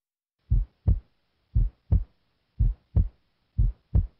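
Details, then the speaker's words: Normal S1 heard at the heart base with the stethoscope diaphragm: steady paired heart sounds near 58 a minute, the first sound softer at the base than at the apex, caused by AV valve closure. "s1 is caused by closure of the AV valves it is loudest at the apex and sounds like this at the base as one sounds like this"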